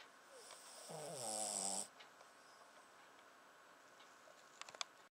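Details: Newly fostered male pet snoring as he finally closes his eyes; a single harsh, buzzing inspiratory snore of about a second, then quiet breathing with soft clicks.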